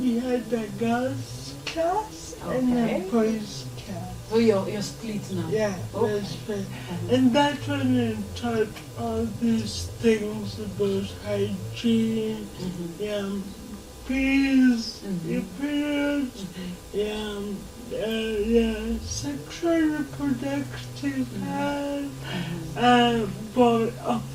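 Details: 26-year-old woman with lifelong cerebral palsy whose speech she says makes her hard to understand, though she is verbal; dysarthria (cerebral palsy).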